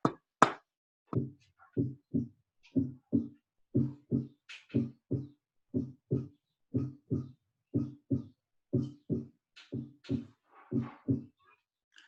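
Steady paired low thumps, lub-dub, about 60 beats a minute with nothing between them: normal first and second heart sounds.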